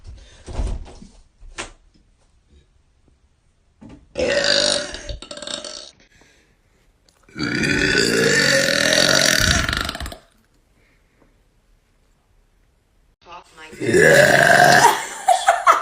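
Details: Several loud, long, voiced burps from one person, some drawn out over two seconds or more, separated by quiet gaps; ordinary belching from a compilation of burps.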